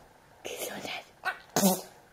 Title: Peekabo and sneezing (10 October 11)